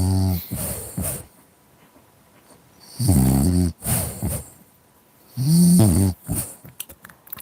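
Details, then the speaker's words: Loud, low, rattling snores a few seconds apart with brief snorts between, from a sleeping French Bulldog. "I'm just with my dog who's snoring. Do you want to hear it?"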